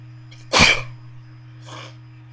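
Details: Sneeze induced with a bobby pin: one sudden forceful sneeze with a short intake before and softer breath after, over steady hum; ordinary sneeze.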